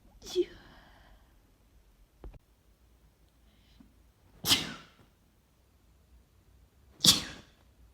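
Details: Tree pollen allergy sneezing fit, with worry about a possible cold: three sharp, wet, itchy "choo" sneezes a few seconds apart with little warning, in a quiet room.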